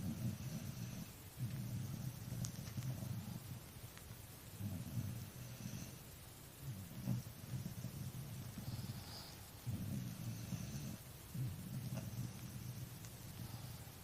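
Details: Tired dog asleep and snoring: low, rumbling snores about every two to three seconds against steady background hiss.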